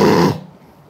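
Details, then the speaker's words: Imitated throat-type snoring from airway obstruction: one brief, harsh, squeezed sound of the throat being pressed, the kind treated with a lower-jaw-advancing oral appliance rather than a nasal dilator. "하면서 목구멍이 꾹 눌리는 소리 그런 소리가 나는 경우라면 구강 장치를 쓰게 됩니다"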